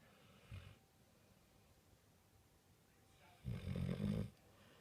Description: My Am Staff was to exhausted to close his eyes while he was sleeping and snoring like he works 4 jobs.